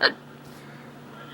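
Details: Genuine, not faked, hiccups in a person who gets them often: a single brief, sharp voiced catch, then quiet room noise; one hiccup.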